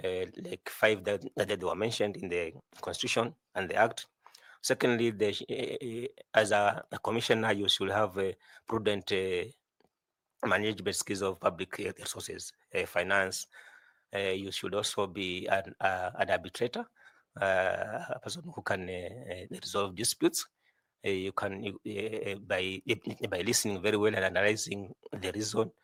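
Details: 41-year-old man who says he stammers a lot, with repeated words; stuttering.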